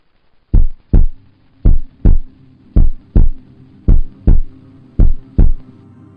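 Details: Human heartbeat: loud, regular lub-dub paired thumps at about 54 beats a minute, deep and booming with a faint hum behind.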